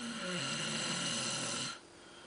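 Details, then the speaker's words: Sleeping person recorded snoring: a loud, rough, sustained snore on a breath in, then quiet room noise; snoring. "¿Estás roncando? ¿No? Ahora vas a ver si roncas o no."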